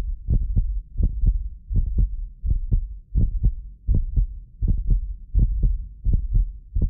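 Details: Steady, regular lub-dub heartbeat at about 80 beats a minute from a medically fit adult, recorded with multiple precision contact microphones; occasional doubled clicks are recording delay artifacts, not heart disease; a normal heartbeat.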